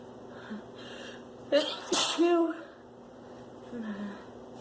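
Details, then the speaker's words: Female with spring flower pollen allergies: a quick inward breath, then one loud explosive allergic sneeze with a voiced trailing sound in a quiet room, after saying she has to sneeze. "I'm gonna excuse it. I have to sneeze."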